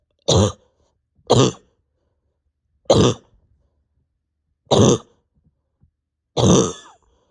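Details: Five separate harsh coughs a second or two apart in a quiet room, with pain deep in chest and stomach; over 32 hours without sleep, bronchodilator not helping, exhausted; cough.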